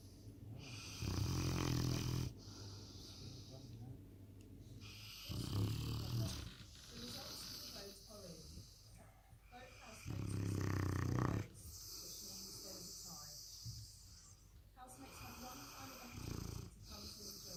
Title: presa canario puppy snoring so loud it's insane !